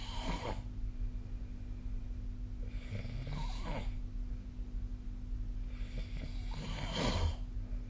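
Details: Snoring during sleep recorded on 2025/05/17: three breathy, snorting snores at a slow breathing pace over a low steady room hum.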